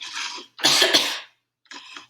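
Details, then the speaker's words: Voluntary cough on command during a swallow evaluation, after swallowing nectar-thick liquid; judged to sound normal. "all right i'm gonna cough all right all sounds normal"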